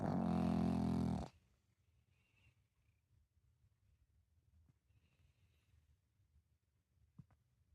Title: pug snoring #pug #dog #cute #snoring